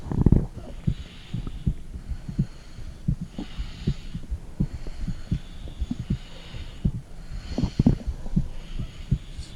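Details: Soft regular low heartbeat thumps with faint hiss and occasional gurgling, recorded with a phone and microphone on the stomach of an adult woman, a mother.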